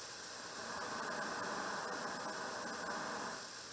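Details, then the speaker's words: Needle EMG near the muscle end plate: continuous soft seashell-like hiss with faint crackle, like sitting on a beach; end plate noise from spontaneous acetylcholine release. "One is end plate noise, the other one is, and you'll hear this very classical sound for end plate noise. You close your eyes and you'll know it. Looks like you're sitting on a beach."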